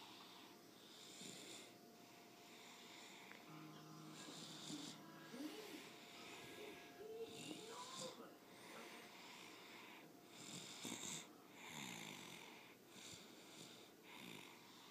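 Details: Sick person asleep in father's arms: soft, rhythmic, raspy snores about every two seconds, roughly 30 breaths a minute, with faint background tones; snoring.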